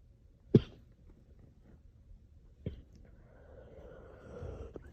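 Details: Two short, harsh coughs from an adult after inhaling from a vape pen, with faint room noise afterward.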